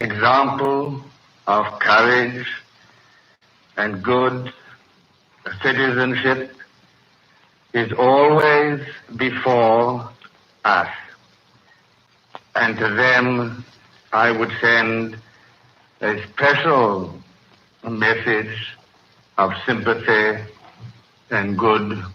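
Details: Adult man with a severe stutter, in his May 1937 coronation-day radio broadcast before full speech therapy; hesitations are heard throughout.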